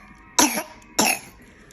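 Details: Two harsh, abrupt barking coughs from a young child with croup cough.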